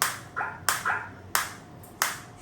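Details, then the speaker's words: Separate sharp cracks, each with a short fading ring, about every two-thirds of a second, from a Biotronix SW7 focused (non-radial) shockwave therapy applicator firing shots at intensity three. "if I put the same you can see this is green now and I am getting the shot so I'm getting the"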